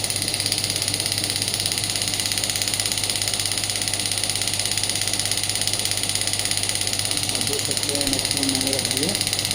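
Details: Pneumatic radial extracorporeal shockwave therapy device (5–12 bar) firing: steady rapid tapping about 167 pulses a minute over a constant machine hum.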